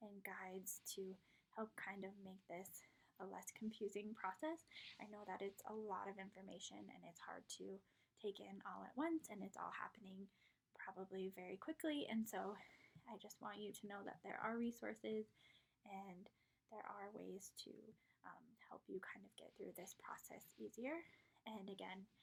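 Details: Adult woman speaking; normal speech.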